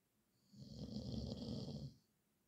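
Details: One rough, rattling snore lasting about a second and a half, with quiet room noise before and after; snoring described as a nightly nuisance.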